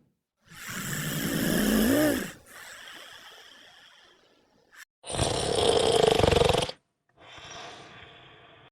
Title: alphabet lore but they are snoring